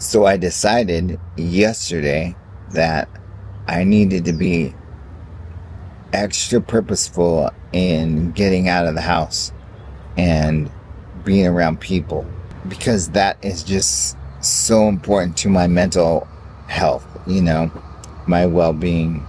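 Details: Adult man with ALS (amyotrophic lateral sclerosis) reporting extreme fatigue, cane use, a hard time talking today; stopped prescribed medication, now only on vitamin/supplement regimen, sought functional doctor over Lyme disease; dysarthria.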